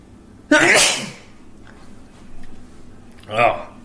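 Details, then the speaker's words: Adult sneezes repeatedly while recording a podcast: a loud, sudden sneeze followed by a brief voiced sound in a quiet room. "sorry I sneezed million times I'll try and edit this out"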